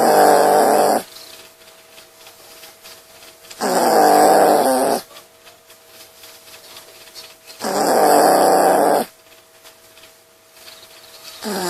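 Rhythmic snoring from a sleeping puppy, about 15 breaths a minute, each lasting over a second; ordinary sleep snoring.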